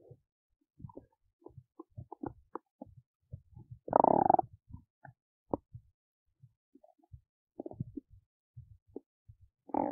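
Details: Belly while digesting oats: quick irregular gurgles, pops and squeaks with one longer bubbling rumble. Active bowel sounds during digestion.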